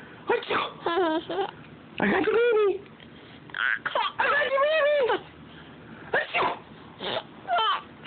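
Bursts of fussy crying and whimpering from a baby with rising and falling pitch, and a noisy room behind: an infant's cry.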